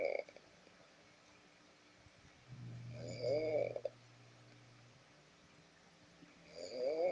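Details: Adult man (a dad) snoring: loud rattling snores about every three seconds with quiet breathing between, over a low steady room hum; ordinary snoring.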